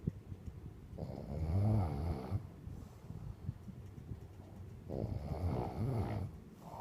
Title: I do snore !